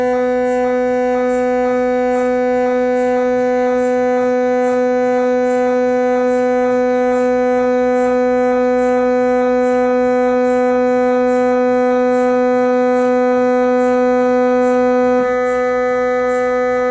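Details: Loud steady buzzing drone with rapid regular knocking pulses, about four a second, of an MRI scanner checking a left leg fracture from a work accident about five months earlier.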